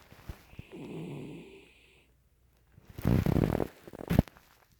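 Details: Sleeping dog snoring: a soft snore on breathing in, then a louder rough snorting snore and a short snort.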